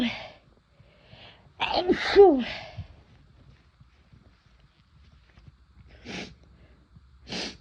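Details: Sneezing brought on by a first-time use of chhinkni sneezing powder: a loud, forceful sneeze with a sharp inward gasp, then two shorter, fainter sneeze-like bursts.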